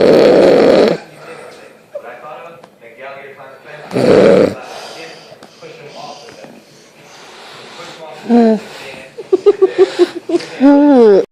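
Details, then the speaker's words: Two loud, harsh snores a few seconds apart from a sleeping adult woman, followed by a man's quiet talk and laughter; snoring. "snoring, but she's gonna kick my ass if I record her face."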